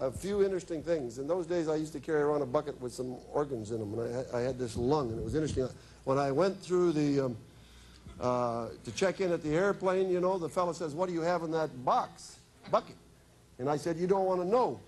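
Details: Adult man speaking; typical speech.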